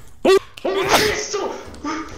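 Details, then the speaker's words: A sharp, explosive single sneeze during a video game session, followed by laughing voices and chatter; sneezing. "what I didn't I didn't was that I was sneezing the lights were going out I was sneezing and you started yelling I couldn't tell what was on"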